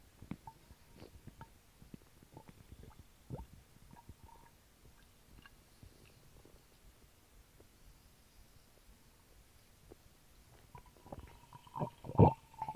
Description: I drank a small can of Sprite while recording my stomach and it caused quite a ruckus.